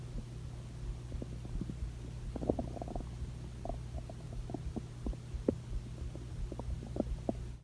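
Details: Cat stomach growling: faint gurgles and soft bubbling pops over a low steady hum; ordinary borborygmi.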